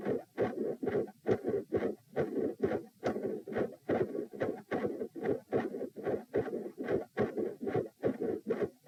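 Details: Stethoscope heart sounds at position p, about 70 a minute, during provoking manoeuvres (Valsalva lying, standing then quickly lying, lying on each side): split S1 and S2, multiple murmurs, S2 regurgitant murmur, machinery murmur, extreme intensity changes.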